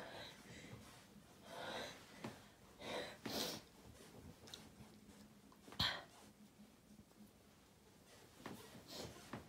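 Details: Long build-up to a big sneeze: several noisy snorting, sniffing inhalations, then a sharp burst near the end.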